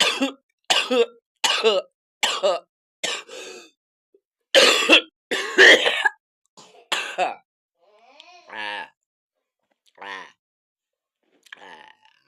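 Eleven or so dry, forceful coughs in quick succession, then drawn-out whiny vocal groans and throat clearing; acted repetitive cough for comedy.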